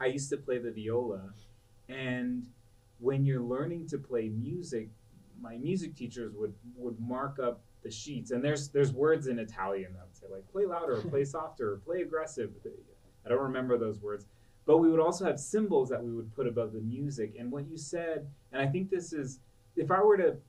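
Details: Adult man speaking; Normal conversational speech.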